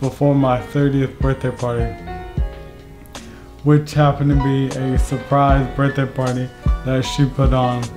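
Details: Dysarthria in an adult man with ALS. He first noticed leg muscle weakness in early 2017 and was diagnosed in fall 2018, just before age 30. The disease is slowly progressing and within the last year has affected his walking, arm and hand dexterity, and speech.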